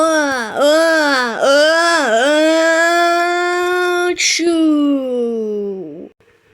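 Long, sustained wailing cries with repeated dips in pitch, heard in a small room; crying.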